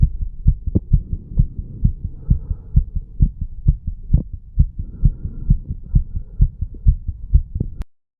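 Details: Normal heart sounds recorded over the mitral and tricuspid valve areas of a 35-year-old man while doing pull-ups and breath holds.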